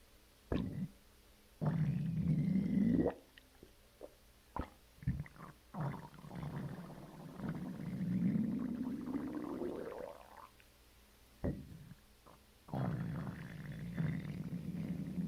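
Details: Long, low, drawn-out growls rising in pitch, separated by brief pops and quiet gaps; stomach growling (borborygmi) right after a bowel movement.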